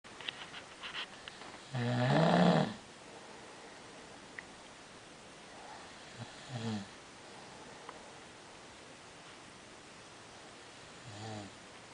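One loud rattling snore, then fainter ones a few seconds apart against quiet room noise: snoring.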